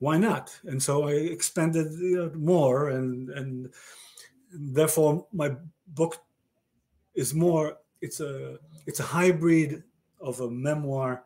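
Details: Male stroke survivor with aphasia following a stroke about 30 years earlier: real, chronic post-stroke aphasia.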